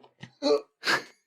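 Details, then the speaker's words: Two sharp, noisy sneezes in quick succession after short intakes of breath, from an adult male podcast host who may have an illness that is going around. Later remarks suggest he keeps sneezing. "you hear it that was definitely a sneeze okay I hope there's no one there with you for you to infect I so I so sorry"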